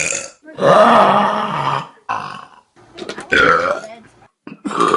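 Several long, loud, rumbling belches in a row, separated by short pauses; repeated burping.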